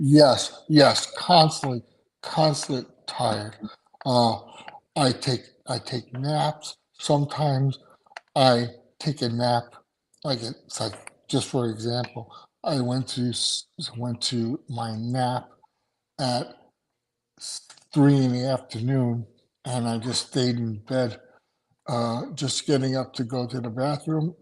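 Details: Aphasia in an adult male after two strokes in November 2017, including a hemorrhagic stroke, with short-term memory problems, right-sided weakness, an unusable numb right hand and ten seizures since the stroke.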